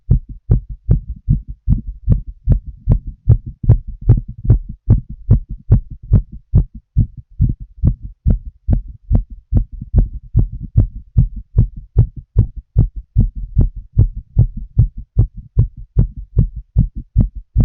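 Fast, regular heartbeat by stethoscope, about 150 beats a minute, with loud low thumps.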